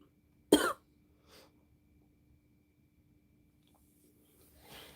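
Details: Adult woman: a single sharp, short cough followed by a faint breath sound in a quiet room.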